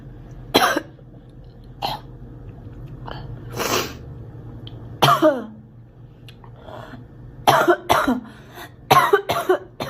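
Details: Girl giving about seven separate acted coughs, some ending in a short vocal catch, with quiet pauses between; cough.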